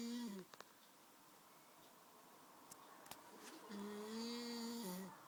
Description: This has got to be the mos annoying snore surely?!!